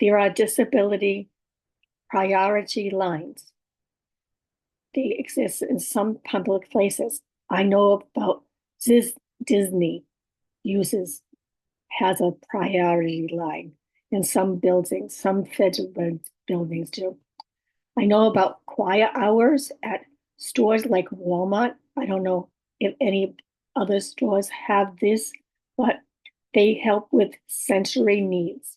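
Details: Adult woman with aphasia, apraxia of speech and dysarthria, communication challenges for about six years, speech sometimes hard to understand; aphasia with apraxia of speech and dysarthria.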